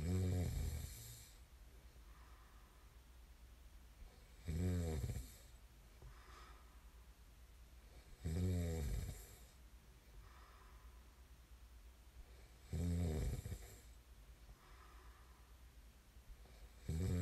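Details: Sleep snoring: loud, rattling snores on each inhalation, about 14 per minute, with quiet breathing between them; ordinary snoring during sleep.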